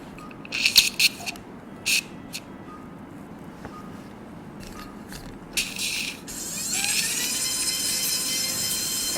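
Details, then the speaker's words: Right transcanal tympanoplasty with total flap removal and canalplasty, for a double (near-total) eardrum perforation: scattered clicks, then sustained high whirring of a diamond dust burr drilling bone to expose the anterior annulus. "And as usual, I use a diamond dust burr, because if I use a cutting burr, I believe it's faster, of course, but it's too dangerous for me."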